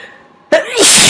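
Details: Quiet pause, then one loud, wet, explosive sneeze with sharp intake, self-induced by tickling the nose with rolled paper towel; sneeze.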